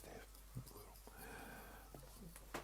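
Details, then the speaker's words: Pet Shih Tzu sleeping on a person: faint snorts and a drawn-out, rattly breath over quiet room noise; snoring. "Yeah, if you can hear snorting in the background, I apologise. It's my Shih Tzu, who is lying on Steph at the moment and is snoring."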